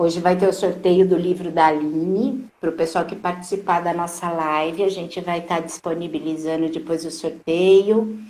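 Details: Adult woman speaking; Normal speech.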